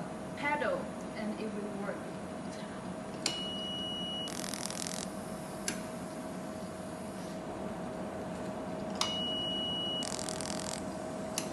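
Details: Fractional CO2 laser machine demonstration with pulse time, interval, point spacing and scan mode set: constant machine hum, sharp clicks and short tone beeps, then bursts of hissing as the fractional CO2 laser fires.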